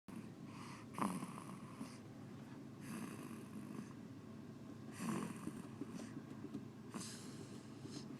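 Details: Soft, irregular snoring breaths, about 15 a minute, from someone sleeping and smiling in their sleep, over steady room noise; ordinary sleep snoring.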